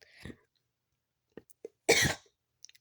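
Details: A soft breath, then a single sharp, explosive cough with a few faint clicks in a quiet room.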